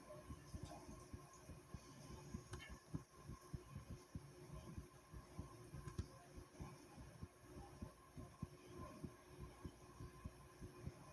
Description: My Heartbeat was pretty soothing and thumping here i hope you guys enjoy it